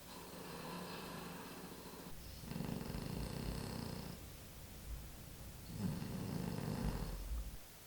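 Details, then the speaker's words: Sleeping dog snoring loudly: two rough, rumbling snores, each over a second long, over steady room hum. "do you hear how loud that dog is snoring"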